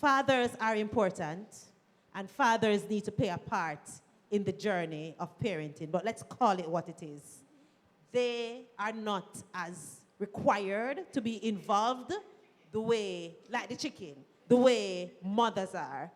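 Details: Adult woman speaking; normal voice.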